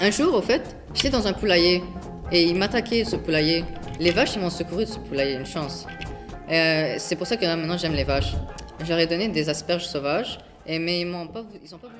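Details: Acted Wernicke's aphasia in French, performed by a student for an aphasia awareness ad; Wernicke's aphasia (acted).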